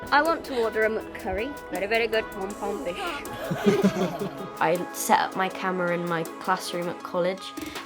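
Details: Vocal tics in an 18-year-old woman with Tourette syndrome having both motor and vocal tics; involuntary sounds and sudden outbursts apparently mixed into her speech.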